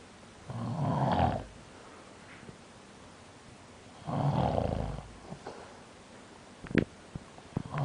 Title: Prague Nov 2005 pt 5 snoring lol